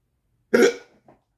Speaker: Ah, ça passe pas, c'est le 4e que j'ai aujourd'hui.